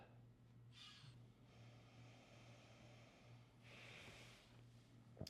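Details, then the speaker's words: Nasal pillow CPAP mask with tube on top, fired up as if lying on a pillow: low steady hum with soft airflow hiss rising on each slow breath, direct but quiet exhalation; well sealed, no leak. "So if I were laying on a pillow here, seals up really, really well, no leak at all. That exhalation is pretty direct right there, but it's not overwhelming."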